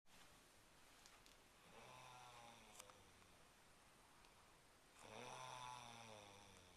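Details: Woman caught snoring again while asleep: two long, low, buzzing breaths in a quiet room, separated by a pause; ordinary snoring during sleep.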